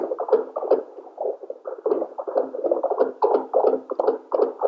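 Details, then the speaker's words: Simulated fetal heartbeat on a smartphone-based wireless NST/CTG machine: FHR Doppler probe tapped by hand in a dummy test, giving rapid whooshing thumps about 180 a minute, somewhat irregular, while the FHR count is plotted. "Now, like you see, I am trying to create a baby's heartbeat by tapping on the FHR probe."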